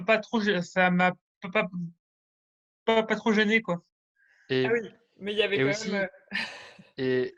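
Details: Adult speaker, conversational French; normal speech.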